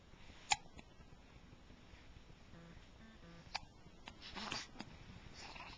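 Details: Hiccups: two sharp, brief hiccup clicks about three seconds apart, with faint room noise and a soft breathy sound between.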